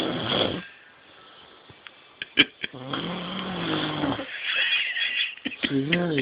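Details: A person gives a rough, buzzing inhaled snore rattling for over a second, then a shorter one, with soft clicks and room noise between: snoring.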